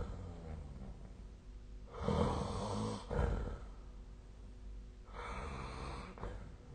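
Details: Snoring recorded during sleep with the SnoreLab app: two loud, rough, rattling breaths about three seconds apart over quieter breathing.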